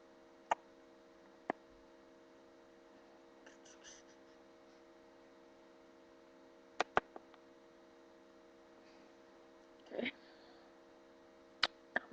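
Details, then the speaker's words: Several sharp, dry pops in a quiet room as the person deliberately cracks their own neck and back joints, producing joint crepitus. "I'm going to do a video on cracking the joints."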